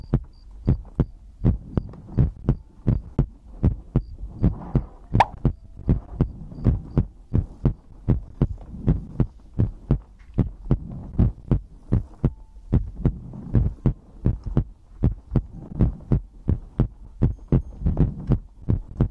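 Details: ASMR heartbeat-and-breathing compilation recording: regular low thumping heartbeat, about 79 a minute, with faint background hum; normal heartbeat.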